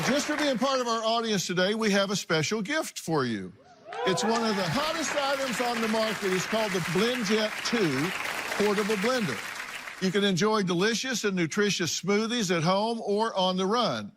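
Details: Adult male announcer; ordinary speech.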